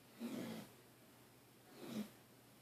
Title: Dog Snoring